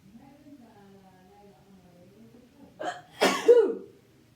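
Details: Sneeze deliberately induced with a twisted tissue: a soft humming build-up, then a quick intake and one forceful, explosive sneeze.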